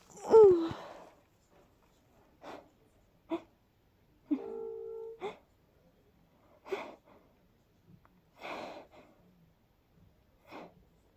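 An opening sneeze, then a string of short, quick sneezes with a brief vocal sound between them, a fast sneezing fit.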